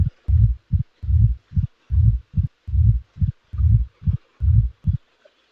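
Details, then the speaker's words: Teaching recording of mitral stenosis, early diastolic murmur removed leaving only the presystolic portion: regular low heart sounds about 71 a minute with low rumbling build-up just before each loud first sound; presystolic murmur. "Now the early portion of the diastolic murmur will be eliminated, leaving only the pre-systolic portion."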